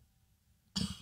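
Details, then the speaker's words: Single abrupt, harsh, dry-sounding cough after near silence, from an adult host struggling with a cough. "I'm struggling with the cough here, if you haven't realized that."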